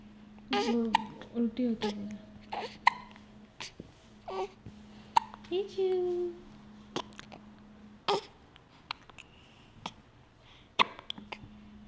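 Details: Baby girl irritated by her own hiccups: repeated short, abrupt hiccup catches breaking into fussy baby vocal sounds over a steady background hum.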